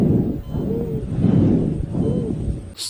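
Breath sounds with a high, musical whistling tone that recurs with each breath, typical of wheezing.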